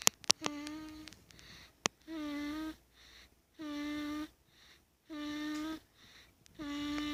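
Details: Soft, high, hum-like light tonal snores recurring about 40 times a minute, each under a second, with faint breathing between them.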